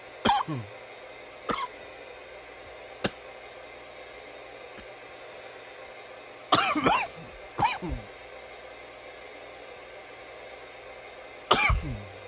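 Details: Coughing: about six separate coughs, some sharp single bursts, some in short pairs, with quiet gaps in a quiet room; repeated cough.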